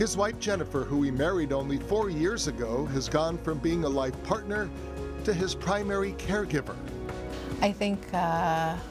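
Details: Adult narrator; normal speech.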